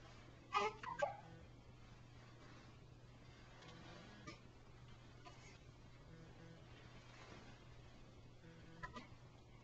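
A few brief, abrupt catching sounds spaced irregularly over steady room hum: hiccups.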